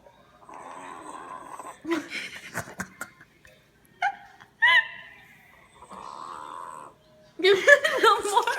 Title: Dog listening to her own snoring